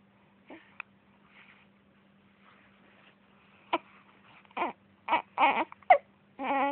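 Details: Infant with hiccups: short fussy whimpers and grunts build into a brief crying wail at the end; an infant fussing and starting to cry.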